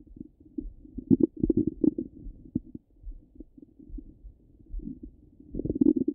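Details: Stomach rumbling from a half-hour recording: continuous low gurgling and bubbling with clustered louder rumbles, active bowel sounds.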